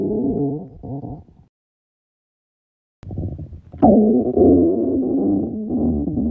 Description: 女の子達のお腹からものすごい音でお腹が鳴っちゃいます！！